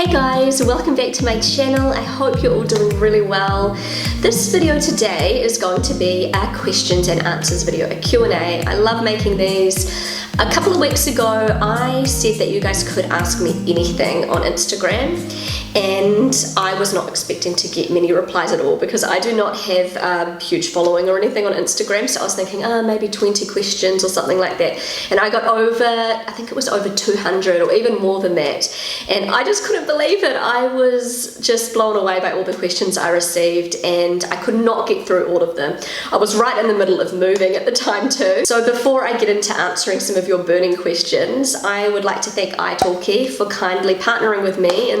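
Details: Pregnant woman with a habitually croaky, crackly voice that she says worsens whenever she is pregnant, blaming the pregnancy; she is also slightly out of breath; vocal fry.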